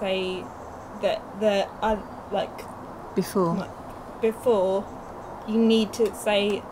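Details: Young woman, two years after a stroke at age 18, with Broca's aphasia affecting speech, reading and writing; Broca's aphasia.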